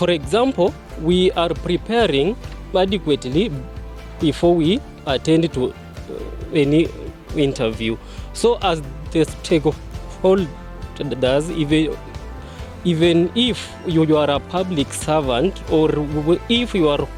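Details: Adult male who stammers, speaking at a support group launch; stammering.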